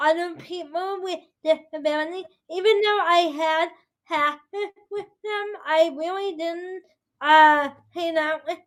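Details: 22-year-old woman with spastic quadriplegic cerebral palsy affecting her whole body including speech, right side impaired, uses walker or wheelchair; dysarthria (cerebral palsy).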